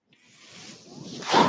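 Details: A soft rushing hiss of air builds steadily and swells at the end: the speaker's own mechanical ventilator delivering a breath, which he points out while talking in a podcast recording.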